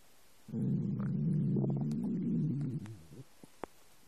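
Long low gurgling rumble lasting a few seconds, then a couple of soft pops; ordinary stomach rumbling from an empty stomach.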